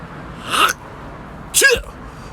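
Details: Deliberately performed comic sneezes imitating a German or Swiss-German dialect: two short, sharp sneeze-like bursts in a quiet room, not real sneezes.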